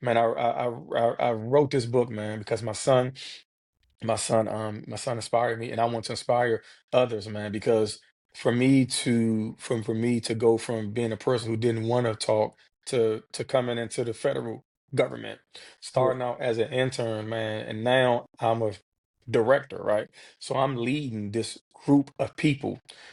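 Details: Adult man who has stuttered since childhood; repetitions of sounds, words and phrases; stuttering.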